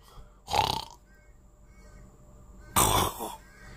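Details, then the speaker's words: Adult with sleep apnea imitates his own heavy snoring: two loud, rough, rattling snorts separated by a quiet pause of about two seconds. "so I've always had it I think because that's that sound you know when you're"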